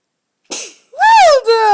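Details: Young boy sneezing on request as a party trick, nose uncovered: a single sharp sneeze burst followed by a brief squeaky whine; an ordinary sneeze.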